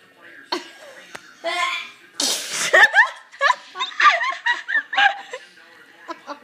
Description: We just happened to catch my sister during allergy season. Sneezing and attempting to get her legs to reach the floor.